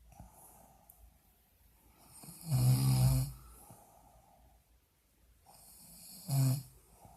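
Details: Woman snoring very loudly while asleep in hospital: two loud, low rattling snores on in-breaths about four seconds apart, with quiet breathing between; heavy snoring.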